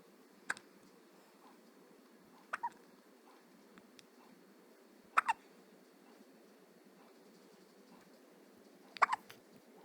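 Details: Someone who often gets hiccups; four soft, sharp hiccups over about ten seconds in a quiet room, some with a small double catch: hiccups.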